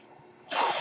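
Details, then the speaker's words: Speaker's own mechanical ventilator heard during podcast recording; mechanical ventilator breath cycle. "hello everyone my name is that noise earrings my ventilator"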